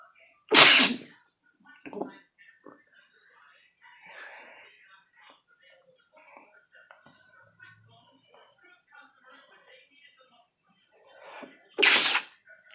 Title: Me sneezing again